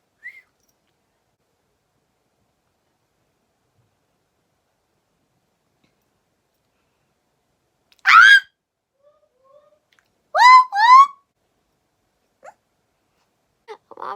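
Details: Vocal screaming/shrieking tic in a woman with Tourette syndrome, preceded by a premonitory urge she could feel coming.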